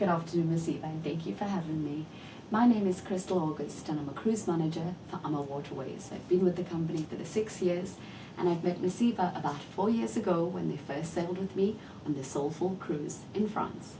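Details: Adult woman; typical speech.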